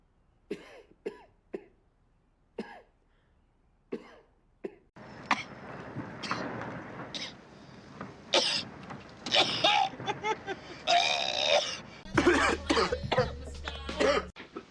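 Rapid string of short acted coughs and throat-clearing from film scenes, with soundtrack noise behind the later ones.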